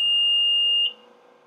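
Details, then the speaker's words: Oxygen concentrator switched back on after its power outlet was checked during troubleshooting: a steady high-pitched electronic beep lasting just under a second, its normal start-up tone. "you'll want to go ahead and change the outlet and see if your concentrator turns on men so i'm going to go ahead and turn our concentrator back"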